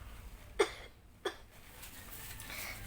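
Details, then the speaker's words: Two short, sharp cough bursts about half a second apart in a quiet room, from an animated children's health lesson on covering coughs and sneezes; cough. "Always remember to cover your mouth and nose with a tissue when you cough or sneeze."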